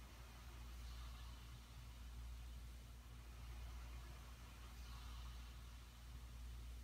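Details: CPAP machine running during sleep: steady low mechanical hum with faint, even air hiss and no snoring.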